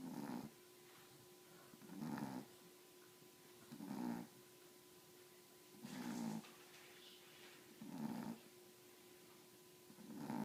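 Rhythmic low rumbling snores from a sleeping dog, about 29 a minute, each lasting under a second, with steady room hum between.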